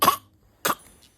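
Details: Infant giving two short, sharp coughs about half a second apart; cough.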